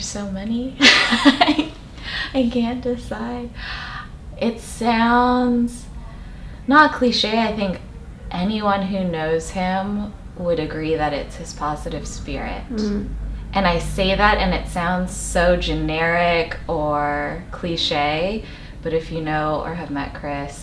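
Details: Adult woman speaking; typical speech.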